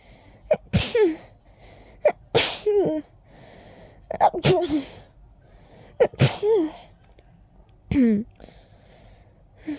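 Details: Sneezing fit after a whole day of itchy nose, attributed to pollen: five loud sneezes in a row, each with a quick inward gasp before the burst.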